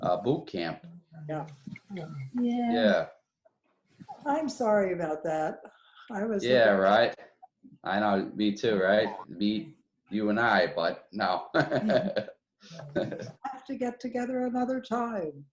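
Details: Real adult member of an aphasia support group, speaking in an online group session; aphasia.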